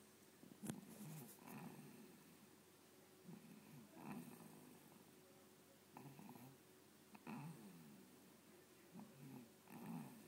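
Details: Snoring, in a recording labelled "sick baby": soft, regular, low rumbling breaths about every three seconds in a quiet room, possibly from a sleeping dog.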